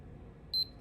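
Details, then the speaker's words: Single short high-pitched beep from a CareSens N blood glucose meter as the test strip draws up a drop of blood lanced from the side of the finger, over quiet room noise; it then counts down and reads 113. "press that, it will beep. Now it's counting down, and there's my reading, 113."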